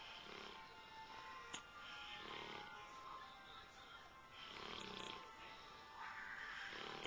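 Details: Black Labrador dog snoring while asleep: loud, rhythmic rattling snores, human-like in volume, with music playing in the background.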